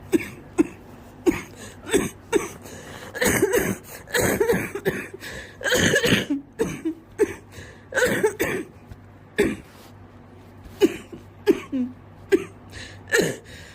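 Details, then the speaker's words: Adult woman in a long coughing fit she cannot stop, with repeated sharp bursts and barely any pauses, followed by laughter. "I love the inability to stop the cough and the way completely overwhelms her it is so exciting"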